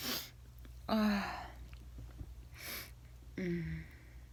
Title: Sneezing with feather